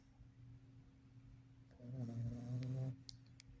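A low, rattling, buzzing snore on one breath in a sleeping puppy, with soft room noise and a steady background hum.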